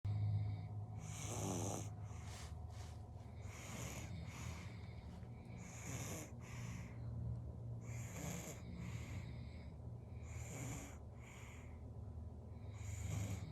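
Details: 7-month-old baby snoring while held in mother's arms: soft, snuffly, irregular breathing noises with light rattly snoring, over steady room hum.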